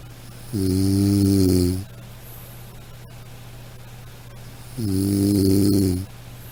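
Two long, low, buzzing snores about four seconds apart over a steady background hum, typical of ordinary snoring.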